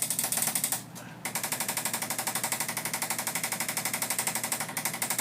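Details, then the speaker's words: Handheld chiropractic adjusting instrument (arthrostim) used on the lumbar spine to break down adhesions in a rigid spine with lower-back subluxation: rapid mechanical tapping, about four pulses a second, with a brief pause. "I'm going to come around I'm going to grab that and I'll show you to you how that works we use the auto statement here to break down the adhesions"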